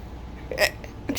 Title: Today I have hiccups